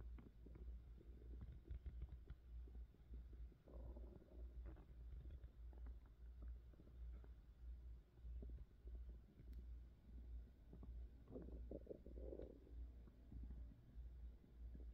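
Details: Adult woman's hunger-related stomach growling: low gurgling rumbles and bubbling squeaks over a steady low hum; ordinary borborygmi of hunger and digestion.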